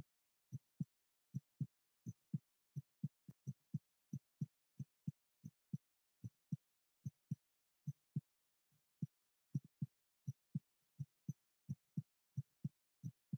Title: ASMR live heartbeat